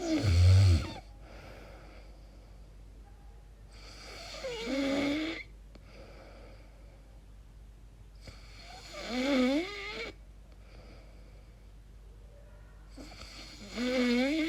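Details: Person's own recording while asleep, unsure if it is snoring or sleep apnea: irregular sleep noises with a low snort, then whining, pitch-gliding groans on breaths with quiet gaps; snoring with very strange vocal sounds.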